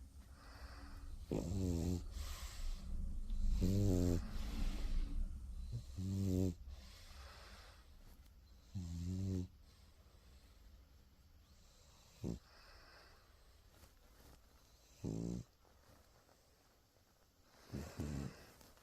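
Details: Sleeping dog snoring: deep, buzzing snores and snorts at irregular intervals, loud at first then fading to brief snorts; tagged as a rescue puppy.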